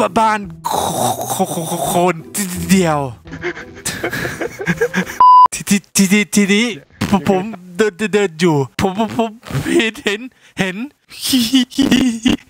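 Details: Imitated stuttering: a male player deliberately fakes a stutter as a prank while chatting in VRChat; this is not a real disorder.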